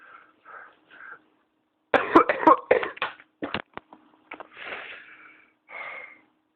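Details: Adult with pertussis (whooping cough), ill about two weeks and tested, filmed at about 7am: a rapid run of about eight harsh coughs, then strained, high-pitched drawn-in breaths; paroxysmal cough with inspiratory whoop.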